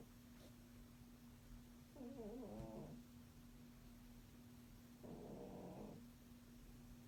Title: Our Cat Snoring *LOUD*!%! Volume Up….